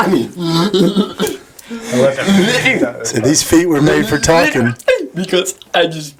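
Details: Adult speaker; typical speech.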